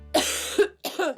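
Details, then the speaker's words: 23-year-old woman who has smoked since age 11–12, about 25–30 cigarettes a day, with chest worse mornings and nights: about three harsh, rattling smoker's coughs. ">> You can hear her when she's [music] coughing, and it's a real, real rattle."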